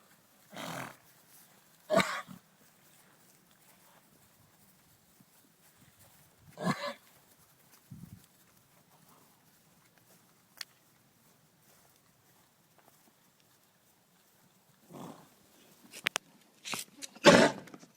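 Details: Harsh, hacking coughs, about seven in bursts, from a pony infected with equine influenza virus, a contagious viral airway infection; equine influenza cough.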